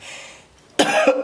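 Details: 31-year-old, sick for several days with a doctor-diagnosed viral infection, coughing on their birthday; chesty cough.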